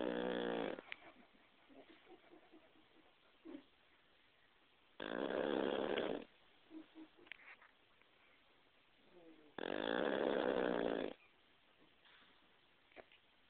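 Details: Overweight male napping, with excess fat said to constrict his nasal passages: three long, buzzing snores about every five seconds, roughly 13 breaths a minute, with soft snuffles between.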